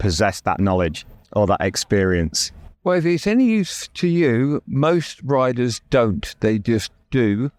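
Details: Adult male, real (not acted), with persisting aphasia after a stroke that paralysed his right side; he had to relearn speech and left hospital able to say only three words; finding: aphasia after stroke.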